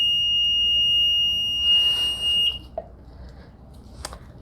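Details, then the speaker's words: Anesthetic machine leak test on a non-rebreathing system with the pop-off valve closed and outlet occluded: a shrill continuous alarm lasting about 2.5 seconds sounds when oxygen line pressure exceeds 15 psi (no manometer fitted); oxygen line pressure alarm. "Okay. That set off our pressure alarm. This one doesn't have a pressure manometer, so we have it connected to a pressure alarm when it goes above 15 psi."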